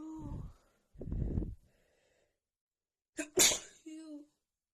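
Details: Voiced catch breaths, then two sneezes, the second a sharp explosive burst with a short voiced sound after, from a female with an itchy nose after dust got in while cleaning; wet, itchy sneezes.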